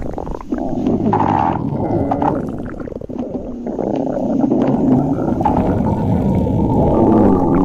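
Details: Loud, long rumbling and gurgling from the belly, rising and falling for several seconds; ordinary stomach growling (borborygmi).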